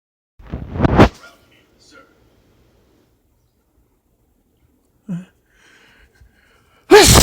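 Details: One loud, explosive human sneeze with a sharp intake before it, then quiet and brief later sounds; sneezing.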